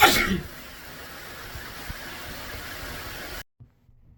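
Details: From a compilation of induced and natural sneezes: a single loud, sudden sneeze followed by steady background hiss.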